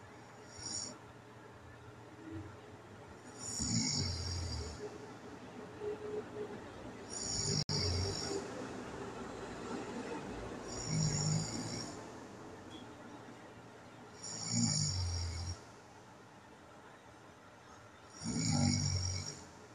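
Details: Overnight home recording of a person's sleep with apnea events and hypopneas: loud, irregular snoring bursts separated by quieter stretches, fitting obstructive sleep apnea.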